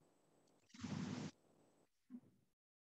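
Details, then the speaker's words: Patient with barrel-shaped chest, central trachea, examined for COPD features in a crackling-lung case: soft rustling inspiration, brief fainter expiration over the upper lung; normal vesicular breath sounds. "so what you heard basically in the upper upper uh lung you heard basically the normal vesicular breath sounds that is normally there in"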